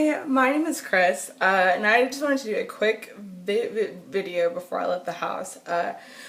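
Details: Adult woman who has stuttered since she began talking in childhood and still stutters; nervousness, excitement or anger intensify it and phone calls make it far worse; stuttering.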